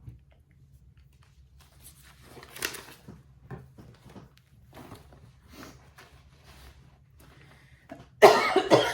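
A run of repeated short, dry coughs from an adult in a small room, ending in loud rustling close to the microphone; a coughing fit.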